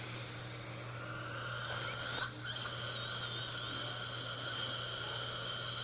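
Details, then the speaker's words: High-pitched whining hiss of a dental handpiece running continuously over a low room hum, trimming and shaping a bonded filling and embrasures during a long chairside procedure with a bite block. "I'm just trimming and shaping here."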